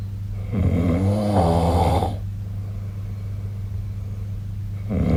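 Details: Snoring during sleep recorded with the SnoreLab app on 2025/03/08: a loud, buzzing inhaled snore lasting over a second, then a quiet pause before the next, over a steady low room hum.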